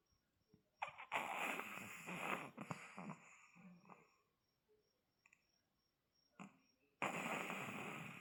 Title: Chihuahua snoring part II 😴🥰😂#cute #chihuahua #funny #dog